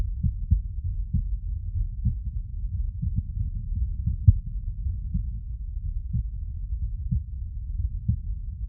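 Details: Normal heart sounds through a CS-417 phonendoscope plus electronic stethoscope: steady, regular low thumps at about 60 to 65 beats a minute.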